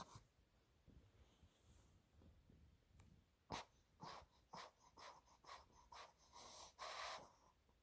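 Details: Quiet rhythmic snorting breaths with short noisy bursts about every half second: a sleeping 2-month-old female Olde English Bulldog puppy snoring.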